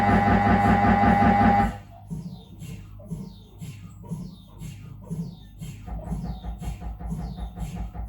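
Loud droning hum, then rapid rhythmic knocking and chirping pulses about 158 a minute: ordinary MRI scanner noise during a routine head scan.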